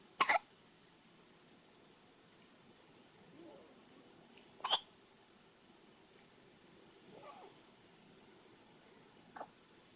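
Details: Infant hiccups: brief, sharp, irregular hiccup bursts, about three in ten seconds, in a quiet room.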